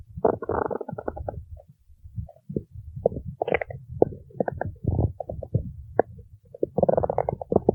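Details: Bursts of gurgling, squeaky and croaking rumbles with brief pauses as gas and fluid shift in the bowel; ordinary stomach growling (borborygmi).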